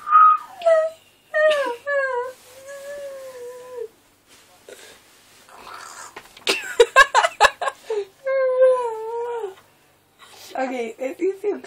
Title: Holding in a cough...